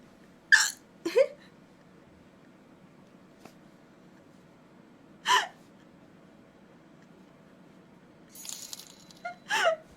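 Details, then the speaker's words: Repeated hiccups with a sneeze from a female Korean streamer during a live stream: several abrupt, short voiced catches at irregular intervals in a quiet room; forceful hiccups. "아 갑자기 재챙이랑 딸꾹질이랑 다 나오는데 어떻게 해요 이거?"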